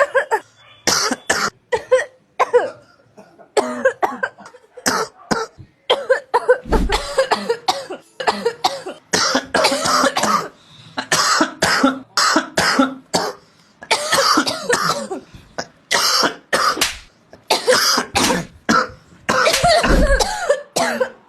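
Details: An adult acting out a winter cough for effect: repeated harsh cough bursts in quick clusters.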